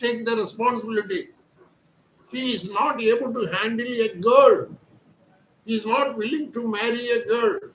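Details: Adult male with puberphonia, voice thin since birth; surgery was advised, but he is receiving voice therapy exercises instead, after 4 days of treatment, which he reports have improved his voice; speaking Hindi.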